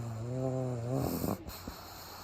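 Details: Pug sleeping during a daytime nap with eyes rolled back showing the whites, recorded close up; one loud buzzing snore breaking into snorting clicks at the end.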